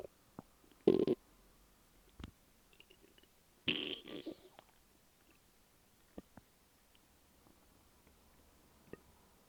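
Two gurgling growls with scattered small clicks and bubbling in a quiet room; ordinary stomach growling.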